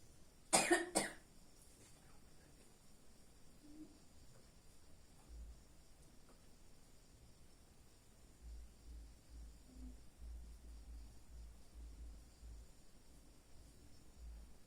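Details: One short double cough burst, then quiet room noise with faint rustling: an adult woman sick with a cough that kept her awake all night.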